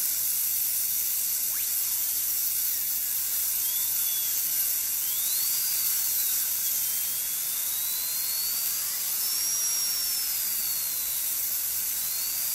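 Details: Steady high-pitched high-speed dental drill whine, pitch rising and falling as the bur cuts tooth, during a Class II interproximal cavity preparation under rubber dam, forming the proximal box and occlusal dovetail.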